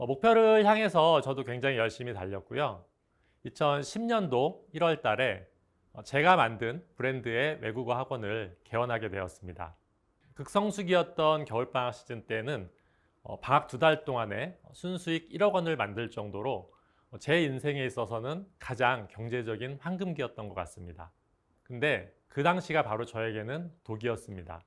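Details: Adult male speaker; Normal speech.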